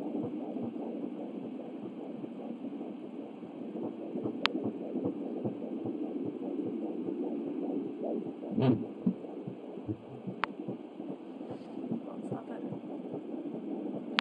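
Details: Fetal heartbeat at 12½ weeks on an Angel Sounds home Doppler: rapid whooshing pulses, about 150 a minute, through static, fading and returning; the mother suspects she hears two heartbeats.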